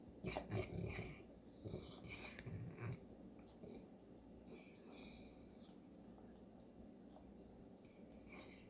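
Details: Allergies flaring in a St. Bernard; loud rumbling snorts and rattly breaths, strongest at first, then softer noisy breathing: snoring.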